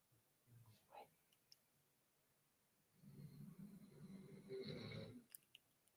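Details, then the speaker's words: Sleeping dog snoring loudly: a soft low grunt, then one long rumbling, fluttering breath, with quiet room noise behind. "Buster is snoring loud over there. He's very sleep."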